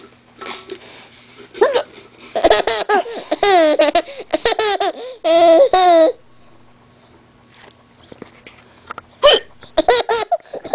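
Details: 10-month-old baby laughing at mother's hiccups: sharp, abrupt hiccup sounds set off bursts of hearty infant laughter, with renewed giggling after a hiccup.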